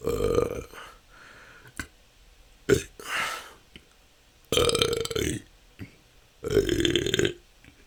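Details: Four loud, drawn-out belches in about eight seconds with quiet gaps, recorded continuously; the person says this can go on for hours and has been a struggle. Excessive belching (eructation).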